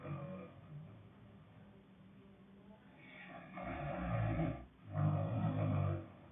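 Loud, rough, growling snores on two breaths in a quiet room, a harsh rattling snore with each inhalation.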